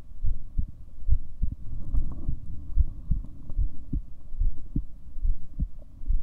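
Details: A person's own self-recorded heartbeat from a 7-minute recording: steady, low paired heart thumps at about 71 beats a minute over a faint background hum.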